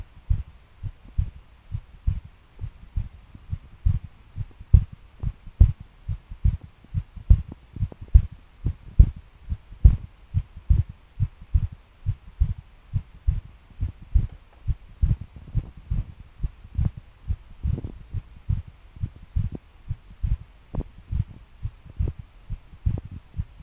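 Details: Self-recorded irregular fast heartbeat (palpitations) while getting off, pace suddenly changed and heart thumped hard; low thumping beats about 70/min with uneven spacing and extra-loud beats, irregular rhythm.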